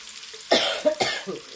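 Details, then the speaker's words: Two short, harsh coughs from a person in a household where the family is sick with coughs, with kitchen sizzling behind them; cough. "May mga sakit pa po ang tao dito. Grabe, inuubo po kami. Naawa ako ng family ko. Narinig niyo po, inuubo rin yung ano ko."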